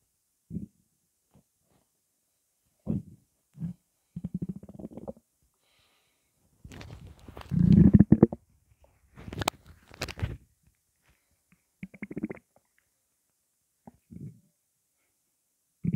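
Irregular low gurgles and rumbling bursts with quiet gaps between them: ordinary stomach gurgling as fluid moves through the gut.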